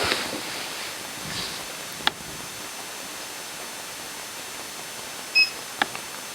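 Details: Weighing system beep on the YA-D6-1 electric ICU hospital bed while a patient is weighed, in kg or pounds: a short electronic beep near the end over quiet room hiss with a few small clicks.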